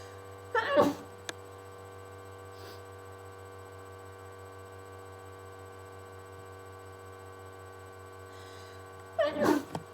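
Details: Two sharp sneezes about nine seconds apart, muffled into a handkerchief, from a person with a cold, over a steady electrical hum; sneezing.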